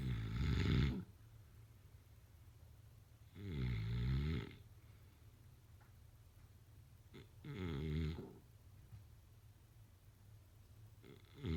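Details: Snoring during sleep, followed by throat clearing and a snort.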